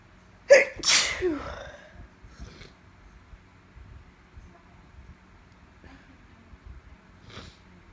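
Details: Female with allergies on top of a cold, during repeated stifled sneezes that grow bigger: one sharp, forceful sneeze, then a quieter trailing breath and faint room noise; sneeze.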